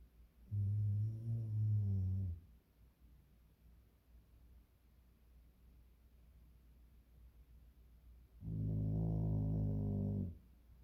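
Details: Sleeping dog gives two low, rumbling snores about eight seconds apart, with quiet breathing between them.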